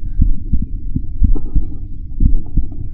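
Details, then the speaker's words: Heart sounds of an adult man recorded on himself with a homemade electronic stethoscope (microphone on a stethoscope head), software-filtered; repeated low muffled thumps of S1 and S2 with some low hum. "При прослушивании сердца здорового взрослого человека отчетливо слышны два тона: первый (S1) и второй (S2)."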